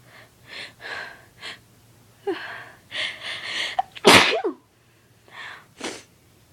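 Several sharp breaths and sniffs lead up to one loud explosive sneeze, followed by quieter breathing; a single induced sneeze.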